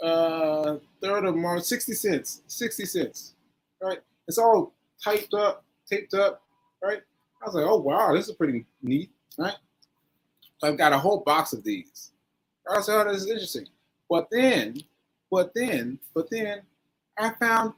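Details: Adult man with aphasia after a stroke on 7/14/22, recorded 7/4/23 while still recovering; aphasia.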